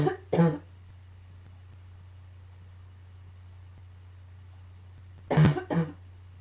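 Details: Two pairs of short, harsh coughs separated by a quiet pause over low room hum, during a coughing fit combined with allergies; cough.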